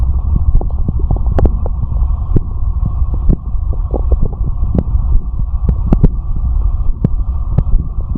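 Deep continuous rumbling with scattered gurgles and soft low thumps of a heartbeat; normal stomach growling.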